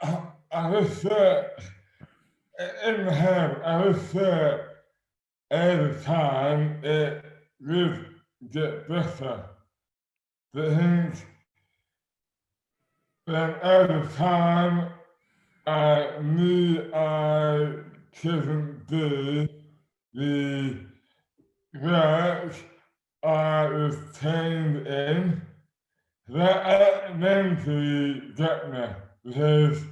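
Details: Adult man with dystonia, a rare neurological disorder; severely slurred speech began overnight in 2008 at age 24, never recovered and has worsened; hands also impaired; treated with botox injections; dysarthria (dystonia).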